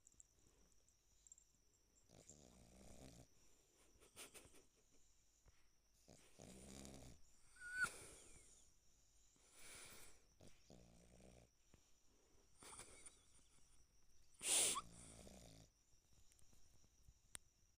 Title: LOOK AT HER TONGUE 👅-Gigi snoring #funny #pekingeselove #puppy #snoring #sleepypaws